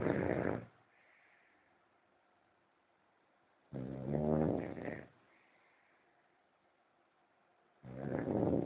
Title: The Snoring POP